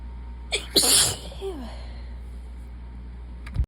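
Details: Someone tired and sick: a short indrawn breath followed by one forceful, hissing sneeze, then quiet room noise.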